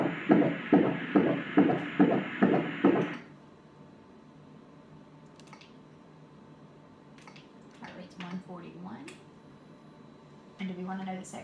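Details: Pregnancy ultrasound before a gender reveal: rapid whooshing fetal heartbeat about 140 a minute for a few seconds, then a quiet room with soft talk.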